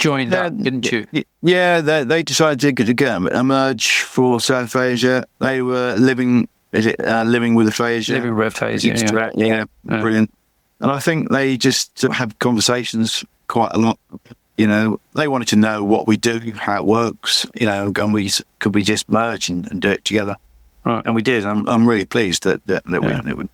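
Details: Adult man with chronic aphasia after a massive stroke about 11 years earlier; he still cannot read or write and says his speech is not great; aphasia.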